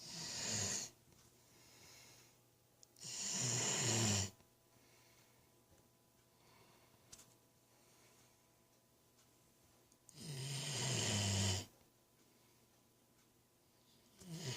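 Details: Long, rough snoring sounds recur about every 7 seconds, about 9 a minute, with quiet gaps between them. Ordinary snoring.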